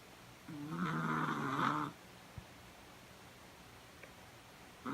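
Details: Exhausted after a long day of slalom skating practice: a single rough, rumbling snore lasting over a second during sleep, then a quiet room; ordinary snoring.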